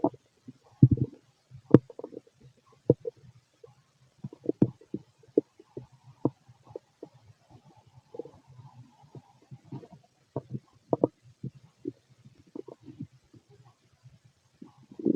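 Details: Fit adult male: scattered soft gurgles and low rumbles from the belly over a quiet background; ordinary stomach rumbling (borborygmi).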